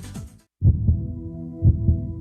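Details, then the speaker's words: Two deep lub-dub beats, about 60 a minute, over a low musical hum: a healthy normal heartbeat in a TV advertisement. "It's a sound we take for granted, a healthy heart beating away."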